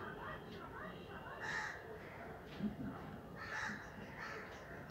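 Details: Real hiccup sounds recorded for a hiccup challenge, with no water taken; hiccups.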